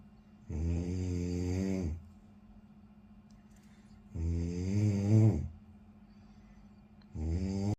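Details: Snoring during sleep: low, droning snores with rising pitch, about 17 per minute, quiet breaths between, over a faint steady hum.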